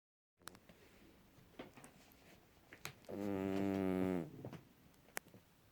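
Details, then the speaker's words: Cat snoring while sleeping and dreaming: one low, buzzing snore lasting about a second amid quiet room noise. "Snoring? Gus, you're keeping everybody up."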